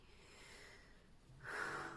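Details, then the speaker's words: Snoring from Dennis, a sleeping animal, in a quiet room: a single rough, snorting breath near the end. "can you hear dennis snoring"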